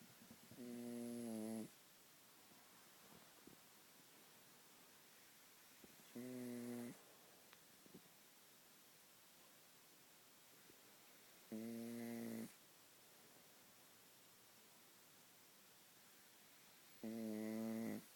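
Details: Snoring during sleep: four rhythmic, low, buzzing snores on inhalation, about 11 a minute, with quiet pauses between them.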